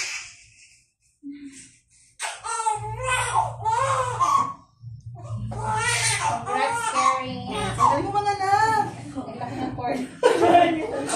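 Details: Newborn baby girl, 3200 g, just after normal spontaneous vaginal delivery: repeated vigorous cries, a normal newborn cry, with adult voices and room noise behind.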